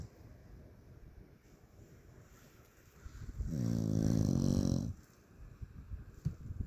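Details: Sleeping fluffy corgi dog giving a single loud, fluttering snore of about one and a half seconds, with quiet breathing before and after.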